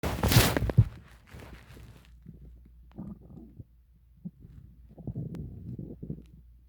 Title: my stomach growling read desc